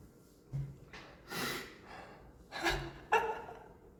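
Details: Man sneezing during an hour-long live stream, also sniffing and coughing: a few quiet, sharp nasal bursts with breaths between, in keeping with small stifled sneezes.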